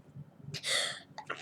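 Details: A child telling a story for a home video continues through a sneezing fit, saying "excuse me"; a quick intake of breath then a sharp hissing burst of air, a single sneeze.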